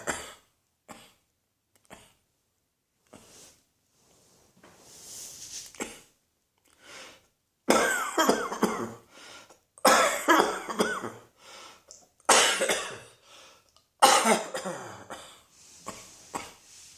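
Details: Repeated coughing spell: several forceful coughs in bursts, some in quick runs, with quieter breaths and throat sounds between.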